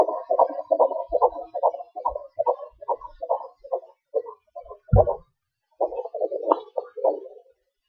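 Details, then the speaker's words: Fetal heartbeat at 18 weeks 4 days on a home fetal Doppler, recorded briefly as baby moved: fast, rhythmic whooshing pulses, normal, faint in places. "so uh that's my my my baby's heartbeat I hope you guys can hear it pretty well"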